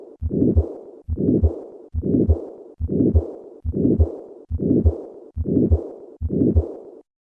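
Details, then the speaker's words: Regular heartbeat near 70 a minute with a harsh systolic murmur and a soft decrescendo diastolic murmur after each beat: combined aortic stenosis and aortic regurgitation, systolic murmur first, then diastolic component added. "listen to a patient with combined aortic stenosis and regurgitation i will begin with the systolic murmur and then add the diastolic component"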